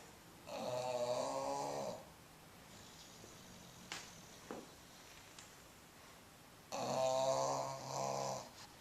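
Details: A 10-year-old bulldog snoring in deep sleep: two long, loud, rattling snores about five seconds apart with quiet breathing between. The snoring is sometimes loud enough to wake him.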